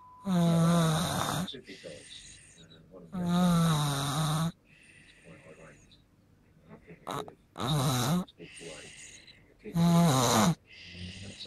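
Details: Four loud, buzzy, vibrating snores in about eleven seconds, each followed by a softer breath out; regular snoring.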